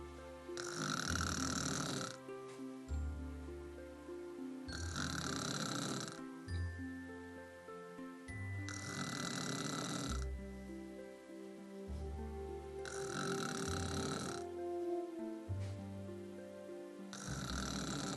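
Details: Adult woman snoring during sleep, loud rattling snores about every four seconds with music playing over them; ordinary snoring.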